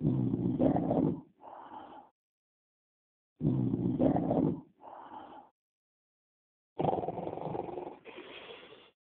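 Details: Snoring: three cycles of loud, rough snores on each inhalation, each followed by a softer exhalation, with long pauses between.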